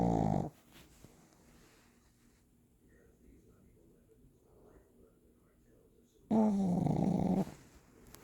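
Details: A sleeping pug puppy snoring, with two loud, rough snorting snores about six seconds apart and quiet breathing between them.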